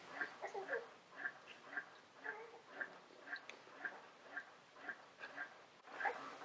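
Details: Medela Advanced InStyle electric breast pump expressing milk: regular rhythmic suction pulses with soft squeaks, about 115 per minute.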